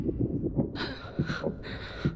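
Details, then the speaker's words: Simulated fetal heartbeat from a movie pregnancy scan scene: rapid soft thumping with whooshing hiss; twin pregnancy, irregular periods, last period May 21st. "Can you hear the baby's heartbeat?"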